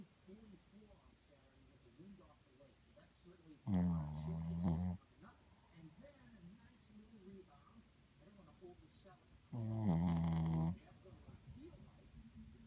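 Two loud, rough, low-pitched snores about six seconds apart over quiet room noise: snoring.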